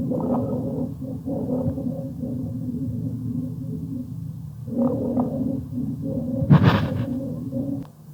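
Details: Rhonchi: low-pitched, rumbling, snoring-like continuous lung sounds heard throughout breathing.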